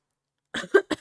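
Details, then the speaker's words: Adult woman with Tourette syndrome coughs right after a tic: a quick run of about four short, voiced cough bursts in a quiet room. "Sorry that was like a weird I was ticking and then I coughed. It was weird."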